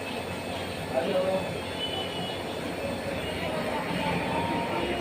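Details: Steady mechanical hum and hiss of a running nebulizer compressor, used to give steam/medicated mist to children with cold and cough; nebulizer compressor noise.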